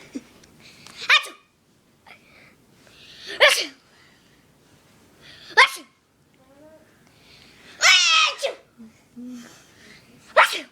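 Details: Person who says they can't stop sneezing, in a long sneezing fit: a run of about five sharp sneezes, each preceded by a short breath in, with brief pauses between.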